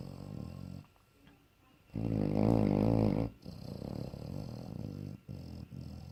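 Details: Sleeping bloodhound dog snoring loudly, 'like a jet engine': low rattling rumbles in slow cycles, with one especially strong vibrating stretch.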